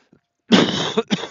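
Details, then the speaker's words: Cough from an adult man who started getting sick a couple of days ago, coughing now and then while talking on a daily walk. "then I started getting sick couple days ago and you can hear me coughing and right now and then"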